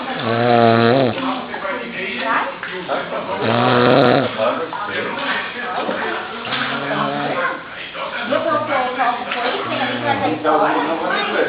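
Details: Adult man snoring at a pool: loud, rhythmic, buzzing snores about 19 times a minute with a rough, grumbling quality; snoring.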